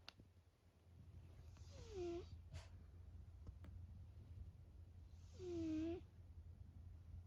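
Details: Sleeping cat, a former stray, gives two soft, whistling snores on the in-breath about three seconds apart, over a steady low room hum.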